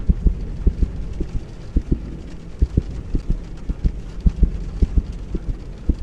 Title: TJOC heart sound